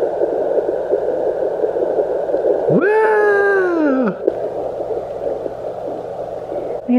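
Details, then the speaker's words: A home Doppler heard on the mother's lower abdomen, angled under the pelvic bone in a twin pregnancy, gives rapid rhythmic whooshing at about 172–175 beats a minute, the first time hearing it: normal fetal heart tones. "We haven't heard that before. No, this is the first time hearing the baby's heartbeat."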